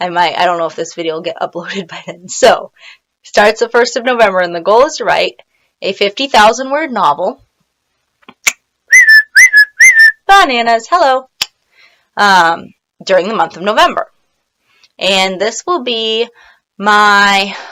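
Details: Woman with Tourette syndrome; vocal tics (Tourette syndrome).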